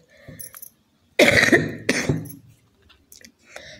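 Two loud, harsh coughs in quick succession, with faint household sounds before and after; a cough during a cold.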